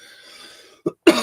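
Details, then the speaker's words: After a near-silent stretch, an adult man gives a short throat-clearing sound and then a single loud, harsh cough while speaking, which he calls a coughing fit. "Sorry, I'm having such a coughing fit."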